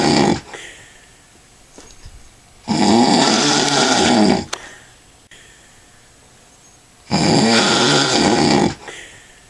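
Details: Adult man snoring after drinking lots of alcohol: very loud, harsh rattling snores on each breath in, roughly 14 a minute, with quiet gaps between; heavy snoring.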